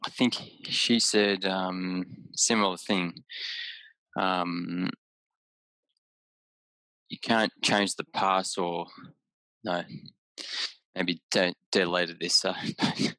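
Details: Aphasia in an adult man about six years after a haemorrhagic stroke caused by an AVM at age 34, with right-sided deficits, word-finding difficulty and mixing up of similar objects.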